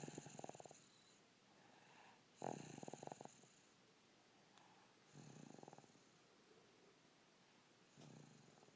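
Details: Sleeping pet snoozing on Easter Day: soft, fluttering snores repeating every few seconds, each with a rattling buzz; snoring.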